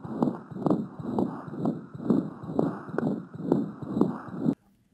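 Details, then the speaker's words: Newborn in the first days of life with a narrowing patent ductus arteriosus: rapid heartbeat near 120 a minute with a rushing turbulent murmur filling the gaps between beats. "So you have a situation where you have a high-pressure aorta, a lower pressure pulmonary artery, a blood vessel connecting the two of them that's starting to get narrow. Well, you get a pressure drop and you get turbulence, and I think you would get a murmur in just about every"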